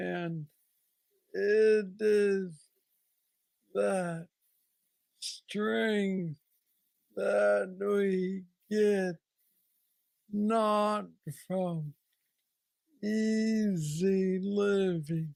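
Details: Man diagnosed with Parkinson's disease at age 35, about nine years earlier, with mobility struggles. Hypokinetic dysarthria (Parkinson's disease).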